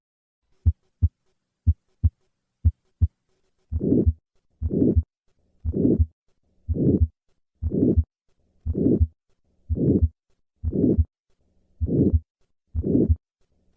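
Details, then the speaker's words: Aortic stenosis heard at the cardiac apex with pitch change (Gallavardin phenomenon): regular heartbeat near 58 a minute, swelling diamond-shaped systolic murmur filling each beat. "on occasion the murmur of aortic stenosis can be heard at the cardiac apex with a change in pitch a phenomenon described by gallivardian despite this change in pitch the murmur of aortic stenosis retains its diamond shape"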